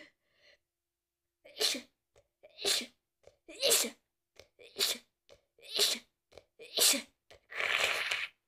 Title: I caught a cold and now im sneezing😷🤒(noseblowing)